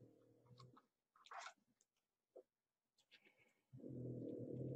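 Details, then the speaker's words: Pug dog snoring: low rumbling snores with quiet clicks and rustling between them. "you hear the noise that's the pug underneath me snoring so weird all the time"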